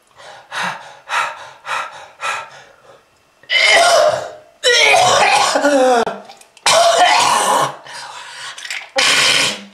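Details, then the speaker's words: Short hacking coughs, then long, harsh, rattling coughing fits with gasps and throat clearing, with red-coloured sputum attributed to smoking-related lung disease. A smoker's cough. "uh that red color is not from fruit punch kids if you want this to happen to you just keep smoking this is lung disease"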